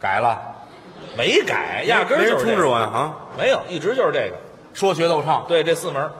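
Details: Adult male performer; normal fluent speech.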